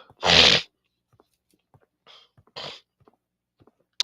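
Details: Single sharp, explosive sneeze with a hissing burst, then soft sniffs, from an adult sick for several days with congestion, stuffy nose and cough.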